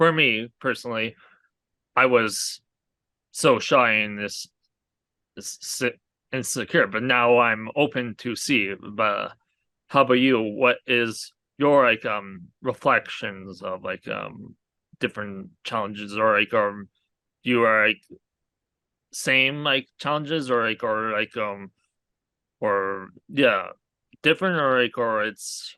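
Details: Aphasia in an adult man after a hemorrhagic stroke from an arteriovenous malformation at age 20, years into recovery with speech much improved over the past three years; many fillers and broken phrasing.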